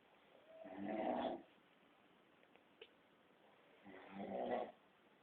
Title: Daddy snoring